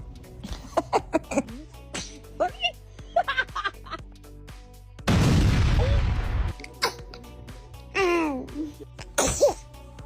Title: Cute short| Baby sneeze 🤧| Memes Factory 🤩|#shortsfeed